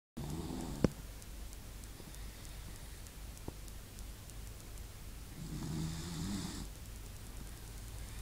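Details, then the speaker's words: Pet dog found asleep and snoring: one soft, low snore against quiet room noise, recorded on an iPod. "guys he is snoring he is legitly snoring right now I don't want to wake him up"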